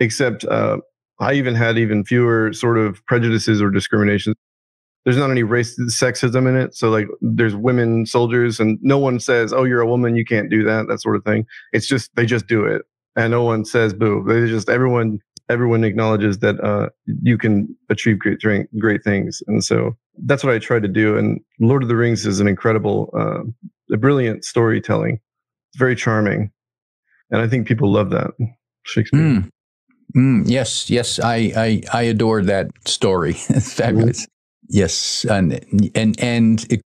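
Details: Adult man with Tourette syndrome producing an involuntary vocal tic, repeatedly saying a word mid-conversation; Tourette syndrome vocal tic.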